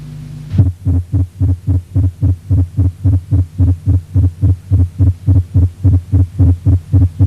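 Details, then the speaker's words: Ventricular tachycardia: fast, regular heart sounds with splitting, and a first heart sound varying in intensity due to atrioventricular dissociation. "en el próximo registro usted podrá comparar con una taquicardia ventricular existe desdoblamiento y el primer ruido varía de intensidad por la disociación auriculoventricular"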